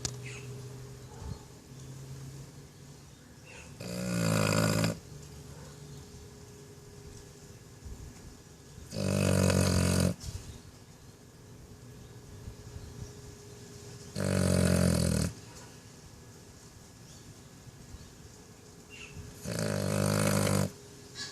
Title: Snoring bulldog. Stella loves her naps.